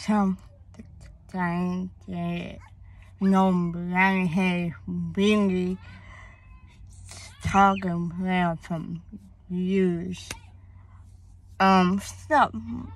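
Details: Woman, born premature, with a speech impediment that began around third grade along with hearing loss (deafness), cause not found by doctors, treated with speech therapy at school; speech impediment.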